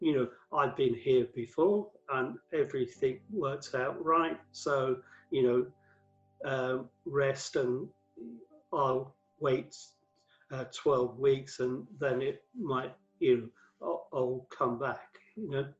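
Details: Aphasia in a man who had five strokes from 2007 to 2015; the 2013 stroke left him paralysed with aphasia affecting word fluency, reading and writing, and his language worsened during lockdown.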